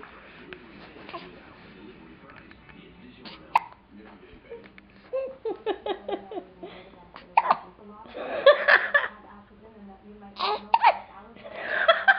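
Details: Several sharp, abrupt hiccups catching the voice and breathing, with background talk; Reed reportedly hiccuping for about 15 minutes.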